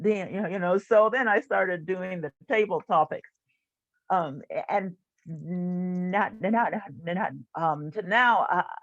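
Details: Stuttering in an adult woman who stutters, a stuttering support group leader.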